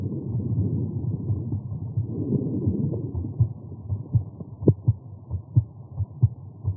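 Muffled rumbling gives way to regular paired heartbeat thumps, heard at the aortic area after exertion.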